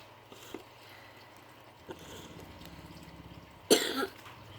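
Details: Faint room noise, then one sharp, short cough near the end from a child reading while sick with a cough and cold.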